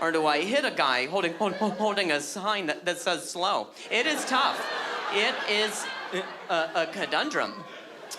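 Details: Adult male with stuttering that began at age 20 after a softball struck his throat, causing a minor vocal contusion and a major concussion later diagnosed as traumatic brain injury; audible word repetitions; stuttering.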